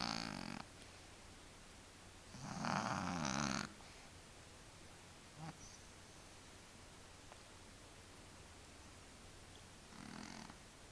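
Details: Sleeping cat: two to three rough, rattling breath sounds separated by long quiet stretches, faint room noise; snoring.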